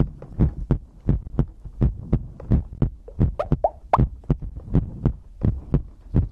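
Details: Compiled heartbeat with breathing, recorded as sleep ASMR from a livestream: steady low thumps at about 86 beats a minute over a faint hum; normal heartbeat.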